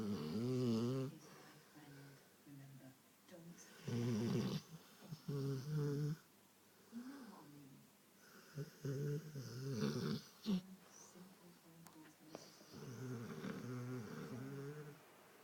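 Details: Rottweiler asleep, snoring with repeated low, vibrating, buzzing, rumbling breaths in a quiet room; snoring.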